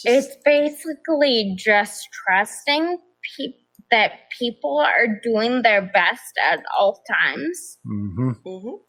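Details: Adult woman with progressive ataxia of still-undiagnosed type, onset at age 26, affecting nerves, balance and speech, with nerve pain; mainly a wheelchair user: ataxic dysarthria.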